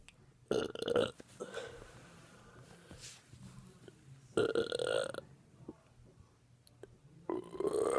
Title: Burping on command